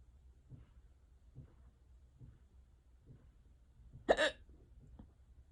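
Faint, regular catching sounds in the throat about every second, then one louder sharp hiccup; a bout of hiccups.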